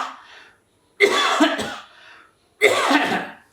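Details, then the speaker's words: Doctor demonstrating a deliberate coughing exercise to expel virus, done after blowing from the mouth into a tissue: two forceful voluntary coughs about 1.5 seconds apart. "now along with that you do some coughing exercise like cuff out"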